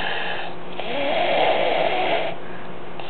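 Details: A loud, rattling snore during a single inhaled breath from a sleeping kid, with a steady room hum behind it.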